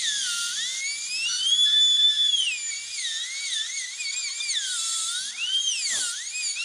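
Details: High-pitched whine rising and falling with speed and load: a dental handpiece grinding and polishing a flexible plastic denture brought in for cleaning and repair.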